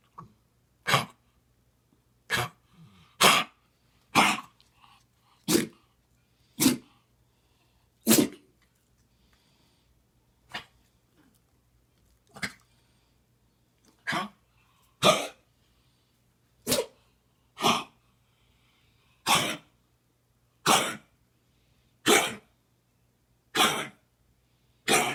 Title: Dog with heartworm’s cough